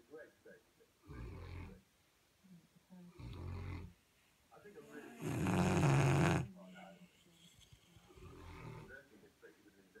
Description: 2 St Bernard's snoring